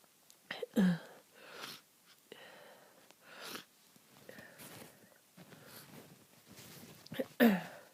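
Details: Person ill with a bad head cold, stuffy and congested, saying they can't breathe: two forceful sneezes with sniffing and noisy breaths between them; sneezing.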